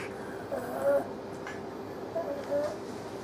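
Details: 9-year-old female Pug, 7.46 kg, acutely deteriorated stridor, mouth open; high-pitched whistling inspiratory stridor on two breaths; endoscopy showed epiglottitis and severe laryngeal collapse too narrow to pass the scope; inspiratory stridor from laryngeal collapse.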